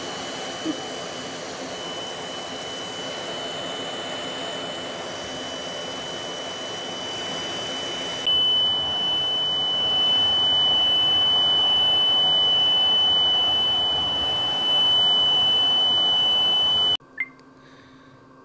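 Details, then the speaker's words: Mask leak alarm on an NIPPV home ventilator used for type 2 respiratory failure, nocturnal hypoventilation and sleep apnoea; mask deliberately removed from the face: steady high-pitched electronic alarm tone over machine airflow noise. "as you heard, it alarms when it's not on your face properly."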